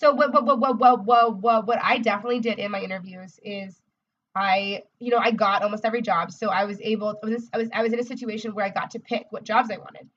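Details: Adult woman, a speech-language pathologist, who describes herself as a person who stutters: stuttering.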